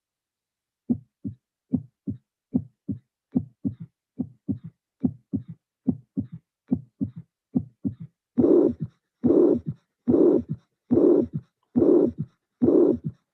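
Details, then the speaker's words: Mitral regurgitation: regular heartbeat about 71 a minute with a loud systolic murmur and a soft, low-intensity, low-frequency third heart sound. "the third sound is a low intensity low frequency sound is not like T is like bum it's low frequency sound"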